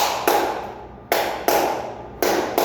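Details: Forceful heartbeat (increased inotropy), imitated by tapping.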